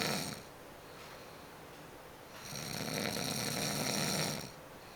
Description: my boy snoring